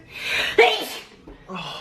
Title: Sneezing Girls 12